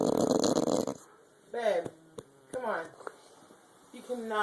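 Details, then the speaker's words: Loud snoring from a sleeping adult: a rough, rattling snore followed by short voiced sounds in a quiet room; someone complains about the snoring. "you are going to have to go sleep downstairs with all that snoring"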